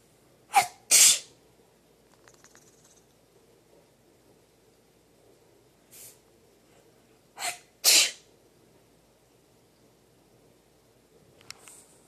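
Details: Two pairs of sharp, explosive sneezes, each a quick double burst, with a softer sound between, in a quiet room; sneezing.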